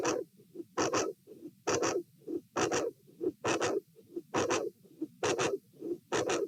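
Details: Heart sounds at the aortic area, patient sitting, with a dilated aortic root: paired sounds near 67 a minute with uneven spacing from PACs and PVCs; irregular heart rhythm with premature beats.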